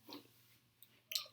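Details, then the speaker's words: Self-demonstration of holding the Adam's apple and moving the larynx side to side: brief gritty clicks of normal laryngeal crepitus. "So you can hold your larynx and you can move it side by side simply, and you will hear some crepitus, that is called as laryngeal crepitus."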